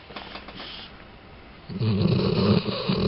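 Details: Quiet breathing, then a loud rough rattling snore in the second half; snoring.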